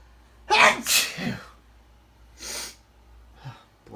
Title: Short volley of loud sneezes 🤧 (male)